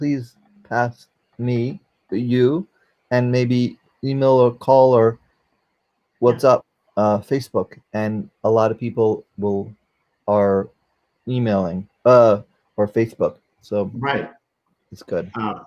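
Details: Aphasia after a stroke during surgery for a valve prolapse in a 44-year-old man, a former paramedic, now unable to use one arm; difficulty communicating; finding: aphasia after stroke.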